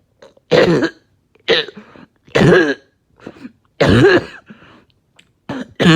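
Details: Productive coughing fit after taking medication: about four forceful, wet, rattling coughs with throat clearing between them, breaking up and bringing up really thick mucus.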